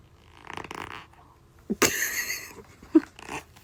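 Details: Baby's short bursts of gritty, rasping scraping with a brief squeaky vocal sound; teeth grinding (bruxism).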